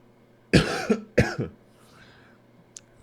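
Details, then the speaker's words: Adult speaker whose voice is completely gone coughs during spoken commentary. "excuse my voice is completely gone but yeah long story short these odds just seem crazy to me"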